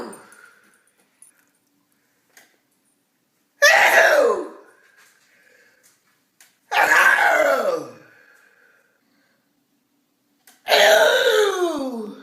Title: Funny sneeze compilation